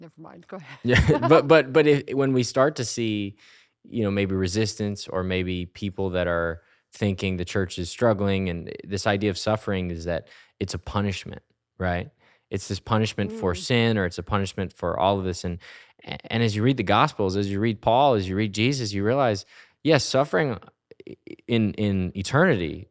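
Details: Adult man speaking; normal speech.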